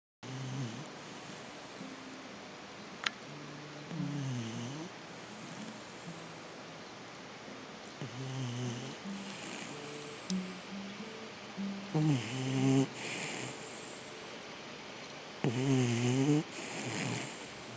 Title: My Dog Snoring... HAHA!!